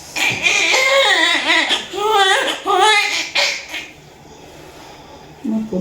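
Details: Newborn's loud, wavering cries in several bursts just after a normal vaginal delivery (G3P2 mother, 39 weeks, 3-hour labor), then a quiet room; a vigorous first cry after birth.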